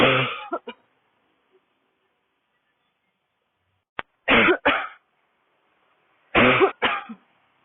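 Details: Woman with a dry, barking cough, coughing fit while walking outdoors on a city street in cold air, throat tight: three short bouts of harsh, dry, barking coughs separated by silence.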